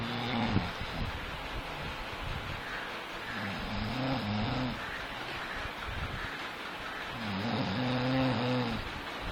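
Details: Deep, drawn-out, rumbling snoring breaths repeating every few seconds over steady background noise; heavy snoring during sleep.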